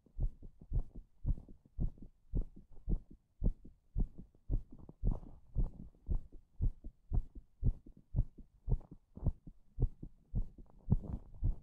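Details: Strong, regular, deep thumping heartbeat at about 110 beats a minute.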